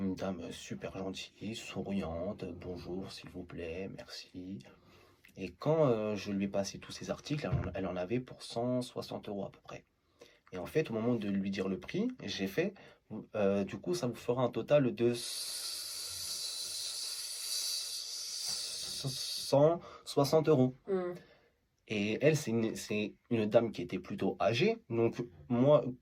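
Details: Adult male stuttering since age 14 (July 2012) after an emotional shock, also stuttered as a younger child and saw a speech therapist; self-described rather mild, masked stutter with blocks notably on S and C syllables, phrase repeated; stuttering.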